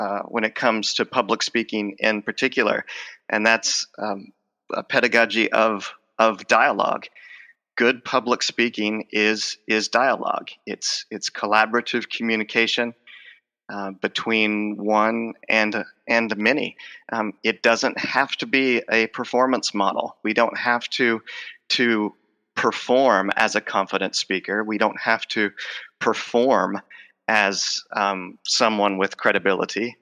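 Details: Stuttering in an adult male with a lifelong stutter involving blocks, repetitions and covert stuttering, who says his stutter is emerging as he talks in conversation.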